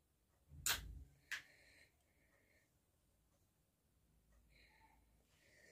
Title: nose sneezing, blowing and picking challenge #viral_vedio